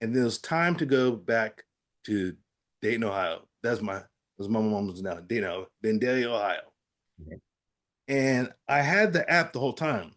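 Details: Adult man with aphasia after a stroke, who says his speech was not coming out and he still has trouble producing the first sounds of words; aphasia.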